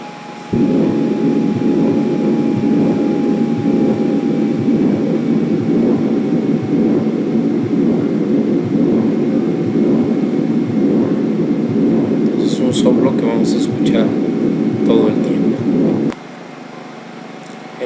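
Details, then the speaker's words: Continuous machinery (Gibson) murmur of patent ductus arteriosus, heard at left infraclavicular region toward pulmonary focus; intense, often with thrill, peaking at second heart sound then waning into next cycle, unbroken through systole and diastole. "Como es un soplo que no desaparece ni durante la fase sistólica ni diastólica, se le conoce como soplo continuo o soplo de Gibson."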